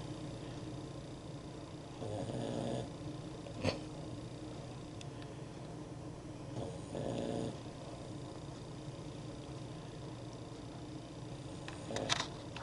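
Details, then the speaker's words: A sleeping Boston Terrier (female) snores with irregular low rumbling bursts every few seconds over steady room hiss. "did you guys hear that that is our Boston Terrier she snores like a man"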